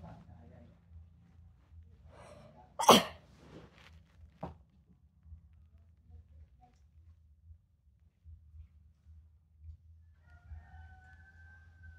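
A single sharp, wet sneeze burst after a short inward breath, followed by a smaller sound; quiet room otherwise. Ordinary sneeze.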